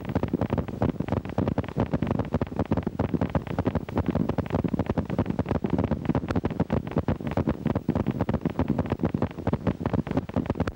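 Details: Needle EMG: repeated brief crackling bursts in a steady rhythm, like marching footsteps. These are myokymic discharges, the key finding in myokymia-cramp syndrome, seen in Isaacs syndrome, demyelinating neuropathy, radiation plexopathy and rattlesnake envenomation.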